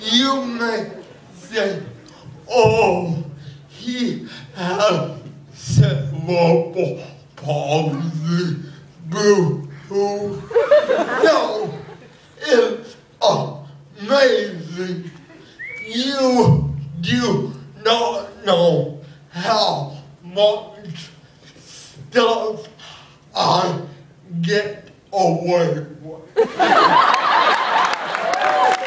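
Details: Adult man with cerebral palsy performing stand-up comedy about his life with the condition; dysarthria (cerebral palsy).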